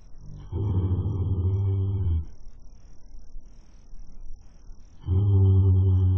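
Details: A horse snoring while asleep, captured by a webcam: deep, droning low snores about two seconds long with quieter gaps between.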